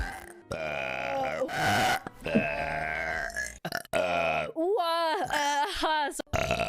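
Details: Burp compilation: long, rumbling voiced burps strung together, some rising and falling in pitch, with faint background sound.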